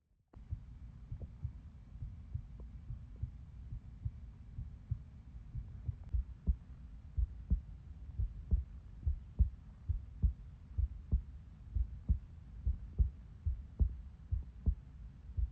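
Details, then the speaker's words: Person recording their own heartbeat with a phone held against the body while keeping still: soft, regular low thumps over faint room hum, strong enough to rock the whole body. "I'm not moving, not myself. That's my heartbeat rocking my whole body, bro."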